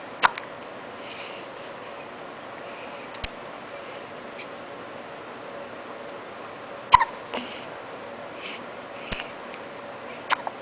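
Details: Baby boy with hiccups: sharp, brief hiccup clicks at irregular intervals, about six in ten seconds, in a quiet room; infant hiccups.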